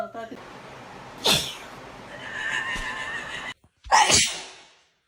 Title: I Sneezed on My Cat 😂🐱 | Hilarious Cat Reaction | Viral Cat Shorts